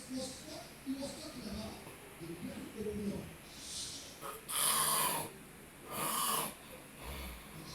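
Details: Two loud, rough, inhaled snores from a man sleeping in church, over quiet background talk in a large room; snoring.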